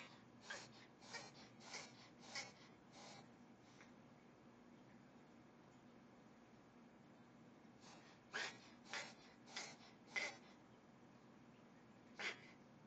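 Two runs of short, quiet nasal snorts or sneezes, about a dozen in all, against faint room noise.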